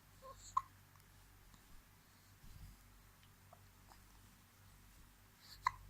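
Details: Hiccups in a girl who gets many hiccups a day; two brief, sharp hiccups about five seconds apart in a quiet room.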